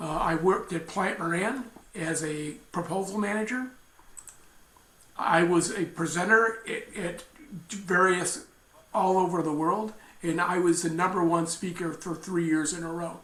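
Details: Aphasia in a man after a traumatic brain injury from a bike accident at age 55, followed by a month-long coma; he relearned talking in speech therapy.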